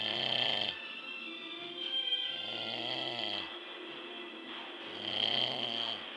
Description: i could make a whole move with my dad snoring lol